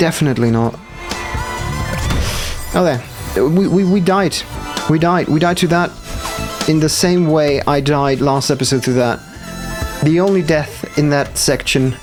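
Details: Stuttering in a man who says it appears when he must concentrate hard, especially on actions not yet in muscle memory.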